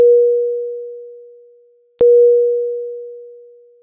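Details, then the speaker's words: Medium priority alarm tone from an Efficia DFM100 monitor/defibrillator, for non-life-threatening conditions such as heart rate outside the high or low limits that need a prompt response: two steady mid-pitched tones, each fading over about two seconds. "a medium priority indicates a non life-threatening condition such as when the heart rate measurement violates the high or low limits and requires a prompt response the alarm message displays with a yellow background and sounds like this"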